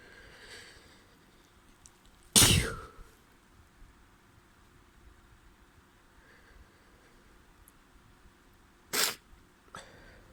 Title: wet spring cold sneezes and nose blows